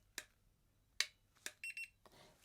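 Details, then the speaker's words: Simulated ASMR doctor roleplay: a few sharp clicks, then two quick beeps from a forehead thermometer finishing its reading; the temperature is reported as good. "okay and i'll just be pointing it at your forehead all right okay okay nice and still for me okay that's okay temperature's good at the moment which is nice to know"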